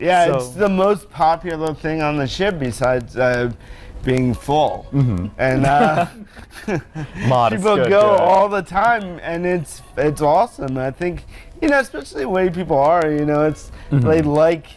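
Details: Dysarthria in an adult man born with cerebral palsy.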